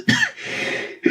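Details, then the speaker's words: Cough in a patient with oesophageal cancer, two rounds into eight rounds of chemotherapy, with a slightly hoarse throat; he says his coughs now take five or six weeks to clear. "When I get a cough these days, it's it usually takes me five or six weeks to shift a cough. So, don't worry about me coughing my guts up."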